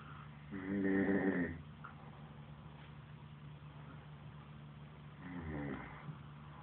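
Two rough, rumbling snores about five seconds apart over a steady low hum in a small room.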